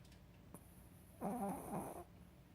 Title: Snoring sunshine